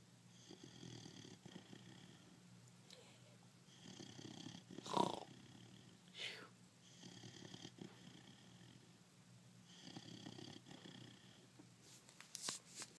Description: My 5 month old pitbull snoring:)